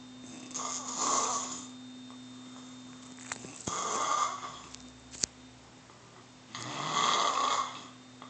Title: Tell me u dont snore again